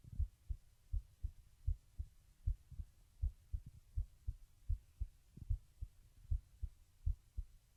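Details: Regular heartbeat recorded with a webcam microphone while lying down: steady, low paired thumps at about 80 beats a minute over a faint hum, with no added sounds; normal heartbeat.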